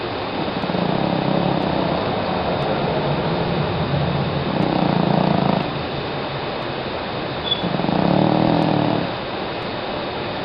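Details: Loud, coarse, fluttering snores in long breathing cycles over steady background noise from a sleeping female cat about 13 years old; very loud cat snoring.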